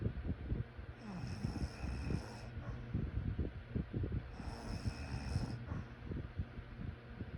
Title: Sleep snoring sounds